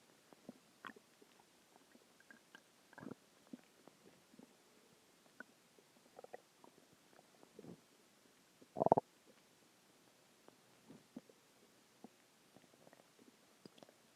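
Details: Adult's stomach growling a few hours after a huge meal (cheeseburger, fries, eggs, onion rings, cheese stick, chicken tenders): soft scattered gurgles and one louder rumble in a quiet room; normal bowel sounds (borborygmi).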